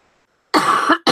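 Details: A single harsh, unproductive cough burst after brief quiet, with the start of a second cut off, from an adult recovering from an illness, still coughing with a runny nose on the first day of feeling better: a dry cough.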